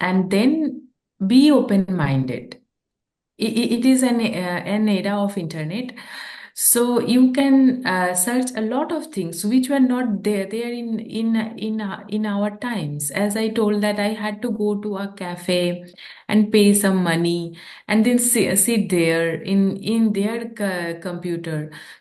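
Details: Adult woman who stammers, with onset at age 13 or 14; stuttering (stammering).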